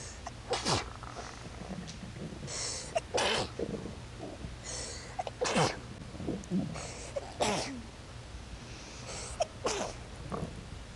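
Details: Five sneezes in a row, each with a quick drawn-in breath just before the explosive burst; ordinary sneezing.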